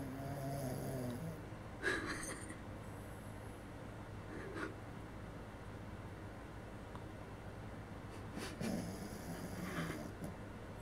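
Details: A small Maltese dog sleeping in a shared bed snores loudly: rough, snorting breaths recur every few seconds over a noisy background.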